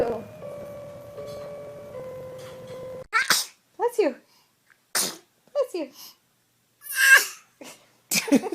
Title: Babies Sneezing Compilation - تجميعة عطاس للاطفال الرضع